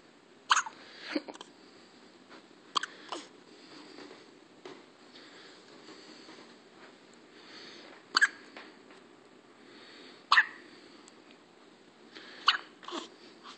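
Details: Newborn baby with hiccups: short, sharp, repeated hiccup sounds about every two seconds with quiet breathing between; ordinary infant hiccups.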